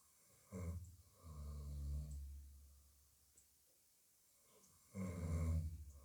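Deep, low rattling snores, each lasting about a second, with quiet gaps between breaths.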